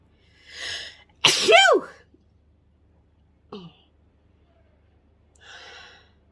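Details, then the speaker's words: Adult woman's ordinary sneeze induced by sniffing pepper after nose tingling: breathy intake, one sharp loud voiced sneeze, short catch, soft breathing; stifling attempted in other clips. "just take some pepper pepper always works for me it just makes my nose tingle and ah oh i'm gonna sneeze excuse me excuse me"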